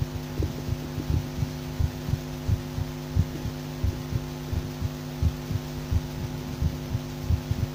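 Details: Heartbeat auscultation via stethoscope: steady heartbeat about 86 beats a minute over a constant low hum; heartbeat.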